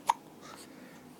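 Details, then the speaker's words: Late-night hiccups in an infant who wants to sleep, after being fed too fast: a single short, sharp hiccup over quiet room noise. "you just want to sleep and you got the hiccups you just want to sleep and you got the hiccups"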